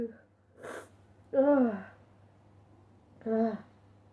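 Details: Sneezing compilation: a sharp intake, then two voiced 'achoo' sneezes a couple of seconds apart in a quiet room; repeated sneezing.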